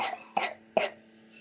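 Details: Three short, harsh, somewhat wet-sounding coughs from a young girl with winter flu and a runny nose, who is on cough syrup and an antibiotic, with a faint steady room hum.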